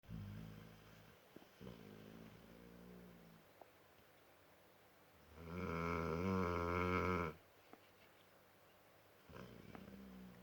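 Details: Dog named Wuppy snoring while asleep: rhythmic buzzing snores, some soft and one louder fluttering, with quiet pauses between breaths.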